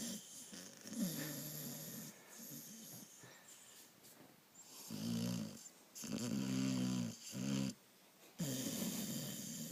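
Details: A sleeping dog snoring: repeated loud, buzzing snores with a whistling quality, several in quick succession.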